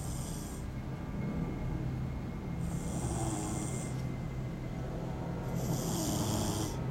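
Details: Snoring under the table: low rumbling snores, about three in seven seconds, over steady room noise; ordinary snoring.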